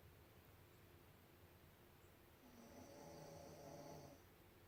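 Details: Gentle snoring: a soft, low rattling breath sound rising over quiet room noise.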